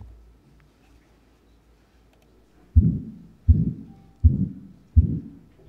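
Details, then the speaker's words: Severe aortic valve stenosis on auscultation, heart rate about 80/min: S1 fairly normal, S2 nearly inaudible, and a rough murmur whose amplitude builds through systole, leaving a small gap where S2 should be, so it is not mitral regurgitation. "right you hear the difference so now first first heart sounds sort of okay second heart sounds pretty much inaudible and the amplitude of the murmur kind of accelerates as you get through towards the thing"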